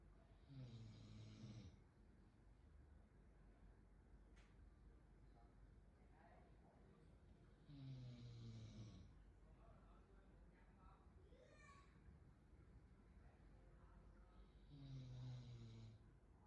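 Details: Three loud rattling snores about seven seconds apart, with quieter breathing between, from a sleeping dog; snoring.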